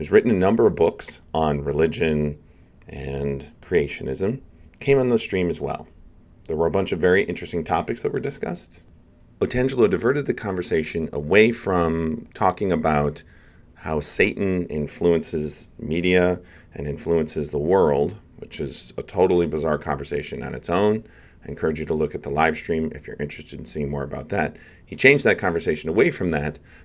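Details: Adult male speaker; ordinary speech.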